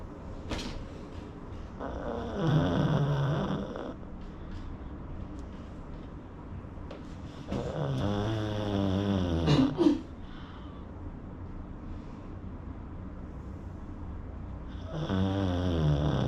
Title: Pug snoring